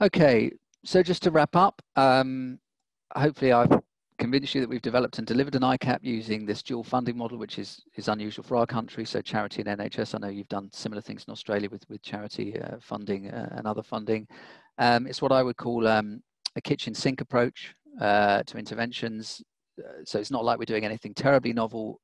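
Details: Adult male speaker, lecture; ordinary speech.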